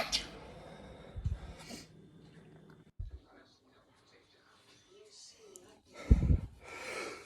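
Several short, explosive sneezes with sharp intakes of breath between them, in a small room.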